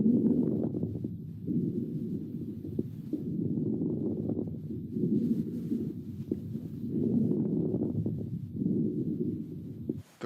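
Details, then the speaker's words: Stethoscope breath sounds with brief crackles popping late in each inspiration as the lungs pop open: late inspiratory crackles (rales), as heard in pneumonia or interstitial fibrosis. "were late inspiratory rails and hopefully you were able to hear that crackling sound as the lungs popped open at the end of inspiration"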